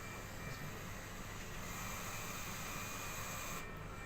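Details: Steady rushing hiss of air from a Hamilton transport ventilator during flow-sensor calibration, done disconnected from the patient with the sensor pointed downward; a normal part of device setup.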